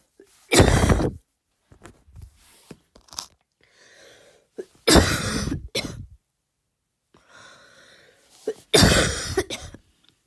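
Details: A person's first attempts at a voluntary barking cough: three loud, forceful single coughs with breathy inhalations between. It is a deliberate imitation that lacks a true bark.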